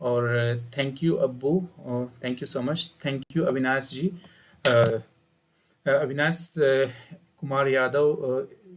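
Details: Adult man speaking; typical adult male voice.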